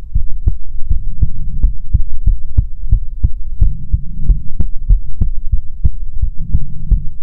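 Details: Normal heartbeat recording for ASMR: steady, regular low thumps at about 65 beats a minute over a soft hum.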